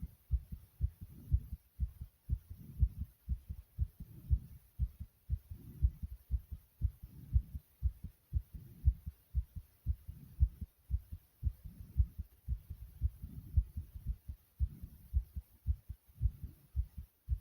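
Steady, deep thumping heartbeat, strong and quick after exercise, with a faint low hum behind it.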